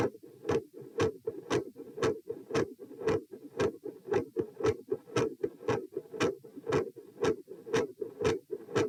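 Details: Heart sounds recorded at position p while moving from sitting to standing: a consistently loud S2, a variable S1 and episodes of murmur.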